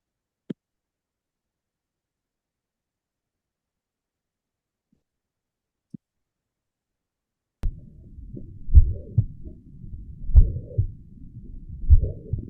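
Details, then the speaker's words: Teaching example: after several seconds of near-silence, low heart sounds with a continuous blowing murmur between beats, a holosystolic murmur of mitral regurgitation. "Now you you have clear understanding of the holo systolic right?"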